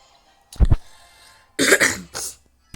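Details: Speaker with a hoarse, broken voice gives two quick throat-clearing coughs, then a longer harsh clearing of the throat, with faint room noise.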